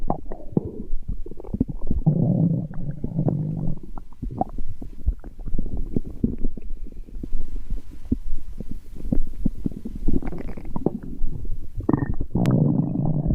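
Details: Irregular low gurgles and rumbles with bubbly squeaks from a person's belly: ordinary stomach growling (borborygmi).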